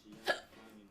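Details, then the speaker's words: Drunk streamer with repeated hiccups while talking: a single brief, sharp gulping hiccup against quiet background, ending in an abrupt throat closure; hiccup. "자꾸 딱질해. 나 딱꼭질 계속 가면 돼? 어떡하죠?"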